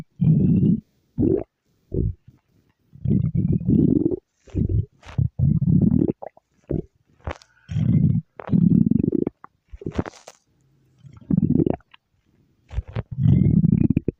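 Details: Repeated low gurgling rumbles in short bursts separated by quiet gaps: stomach growling.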